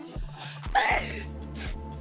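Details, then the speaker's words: An adult gives a single sharp, voiced sneeze after trying to force it, over steady background game music during a gaming stream; an ordinary sneeze. "you have a special thing that works with your body that like I can't I keep interrupting myself with a [ __ ] sneeze"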